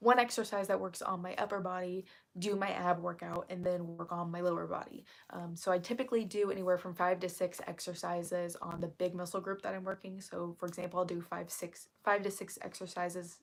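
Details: Woman who reports currently having really bad vocal fry, which she attributes to speaking quietly on purpose; vocal fry (creaky voice).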